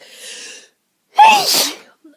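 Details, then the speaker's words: A single sharp, explosive sneeze with a quick intake of breath before it, in a quiet room, from a person having a sneezy day, home alone; sneeze. "So, um, I've been having a bit of a sneezy day today, but nothing really you nothing major."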